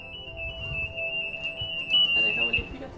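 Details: Epi-Care free armband epilepsy alarm, which detects tonic-clonic seizure convulsions, in use at a Danish epilepsy residence: a steady high-pitched electronic alarm tone with background talk and music.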